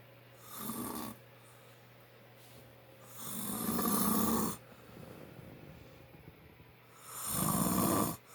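Three loud, rough snores with quiet pauses between them, over a steady low room hum; heavy snoring during sleep.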